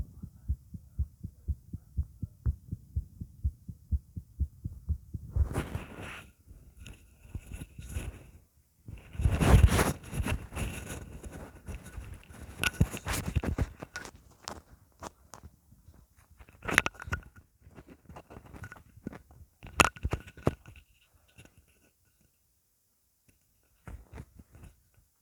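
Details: Steady, regular low heart thumps at the start, then loud rubbing and handling noise covers most of the recording; normal heartbeat.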